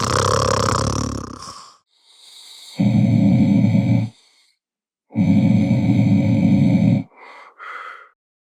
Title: Snoring sound effects